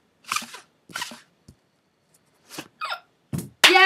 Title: monday be having the hiccups..